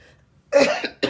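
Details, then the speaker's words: Adult with sinus issues coughing: one abrupt, harsh cough that fades out, then a second short burst begins, in a quiet room. "And excuse me if I cough through this. I'm having some sinus issues and stuff going on, so I just sound real crazy."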